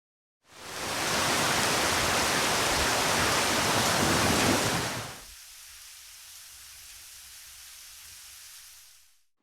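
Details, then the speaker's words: Hearing simulator web application demonstration (simulated): full rushing noise, then the same noise thin and quieter with its low rumble removed, replicating low-frequency hearing loss. "now I will demonstrate a replication of someone suffering from low frequency hearing loss"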